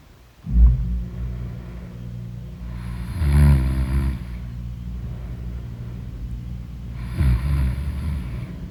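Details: Heavy snoring in deep sleep: loud, low, rattling snores on two breaths about four seconds apart over a steady low rumble.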